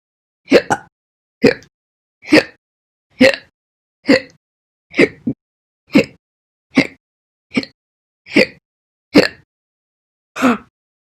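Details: Slow hiccups, twelve sharp voiced ones at a steady pace of about one every 0.9 seconds (roughly 65 a minute); hiccups.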